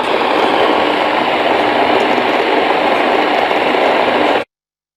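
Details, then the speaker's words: Microelectrode recording during deep brain stimulation surgery for Parkinson's disease, mapping the target brain area: continuous static-like hiss with faint crackle, the brain's background cell activity, with cells responding when the patient's arm is moved. "It kind of sounds like static on your radio. And so you'll hear that. And then when you see his arm move, you'll see that the cells respond to that."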